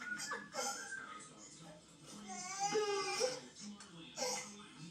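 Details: An infant with hiccups during a game of "boo" gives short, high-pitched cries and whimpers, rising and falling, with faint background music.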